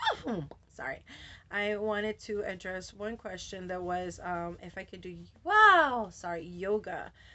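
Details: Adult woman with Tourette syndrome whose vocal tics, interjections ("wow", "whoa") and repeated words, interrupt her speech; she says her tics have been very active since a change of medication; vocal tic (Tourette syndrome).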